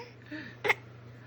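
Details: Baby girl learning to speak her name suddenly gets hiccups: a single brief, sharp catch in the breath against quiet room noise.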